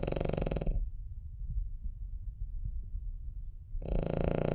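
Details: Soft snoring breaths with a quiet pause between them from a Cavalier dog sleeping peacefully; normal sleep snoring.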